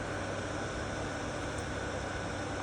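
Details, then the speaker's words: Steady rushing airflow with a low motor hum as the control unit of a Prius Rhythm multi low air loss alternating pressure mattress, switched to operational mode, rapidly inflates the air cells. "turn that on and then there is also a power switch on the front that turns it from standby it's in operational mode as you can see it is going to fill up quite rapidly"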